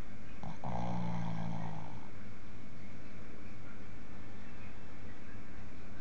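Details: Low, rumbling snore on one breath over steady background noise from a sleeper; snoring during sleep.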